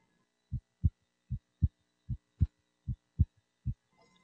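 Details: Regular lub-dub heartbeat at about 77 a minute, clean with no extra sounds; normal heart sounds heard with a warmed stethoscope over the pulmonic area during anterior chest cardiac examination.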